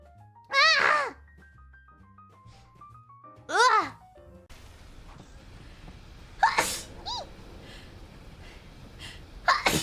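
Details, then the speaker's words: Sneezing, with the person saying it was their mom sneezing: two clear high-pitched sneezes over soft background music, then a few sharper sneeze-like bursts in a noisier room. "did you guys hear that that was my mom sneezing"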